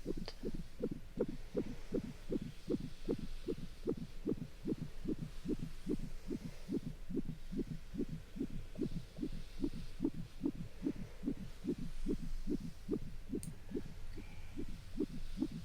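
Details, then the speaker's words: Abdominal ultrasound with gel and a wand on the stomach: rapid, regular whooshing fetal heartbeat at about 150 a minute; "good measurements, nice heartbeat"; no red flags seen in a patient worried she may be high-risk. "And there's baby. Good measurements. Nice heartbeat."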